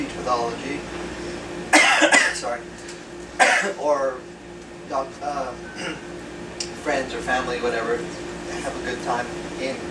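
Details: Man with acquired aphasia after a 2014 left-hemisphere stroke from a torn carotid artery; initially paralyzed and speechless, right-side movement since returned; words slowly returning with ongoing speech therapy; real patient; aphasia.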